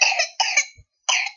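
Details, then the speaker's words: Toddler with whooping cough (pertussis) in a paroxysmal coughing spell: a rapid run of harsh, high-pitched coughs with a characteristic whooping inhale while struggling for breath. "this yeah so you can definitely hear that characteristic whooping inhale just really struggling to get breath"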